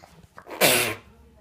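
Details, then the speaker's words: Father sneezing: a short indrawn breath, then one sharp, hissing burst of air; a single sneeze. "Why are you sneezing, Dad? That's why I can't stop it."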